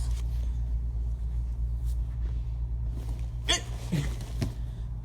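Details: James, described as hyper, having hiccups: a few sharp, abrupt catches of breath over a steady engine rumble.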